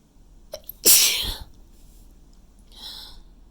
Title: messy chhinkni sneezes